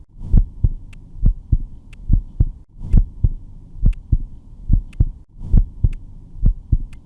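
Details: Heart sounds on stethoscope auscultation in a clinical skills demonstration: regular paired sounds, about 65 beats a minute, with a steady low hum behind.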